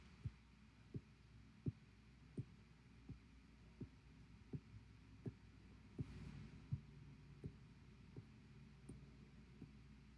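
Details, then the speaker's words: Audible heartbeat of a patient two weeks after open heart surgery, one week home: soft regular low thumps about 83 a minute over faint room hum, audible to people standing nearby when quiet. "so i'll play it one more time this is the audio of my heart beating"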